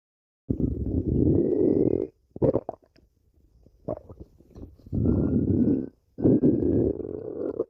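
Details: Stomach growling from a badger.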